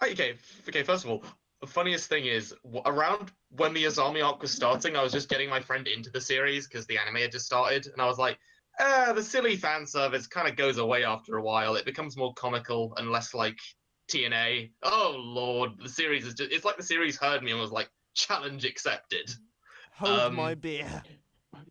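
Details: Adult male speaker; normal conversational speech.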